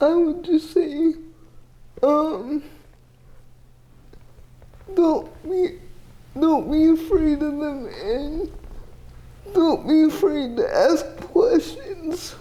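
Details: 30-year-old woman with GMFCS Level 4 cerebral palsy, quadriplegia with an athetoid component, using a power wheelchair; dysarthria (athetoid cerebral palsy).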